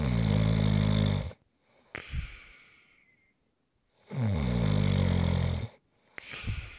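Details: ASMR snoring recording: two long, loud rattling snores on breathing in, each followed by a quieter breath out; ordinary heavy snoring.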